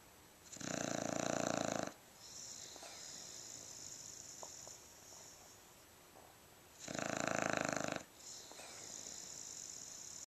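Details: Soundly sleeping subject snoring: two loud, rasping snores about six seconds apart, each followed by a softer breath out, over faint room hiss; snoring during sleep.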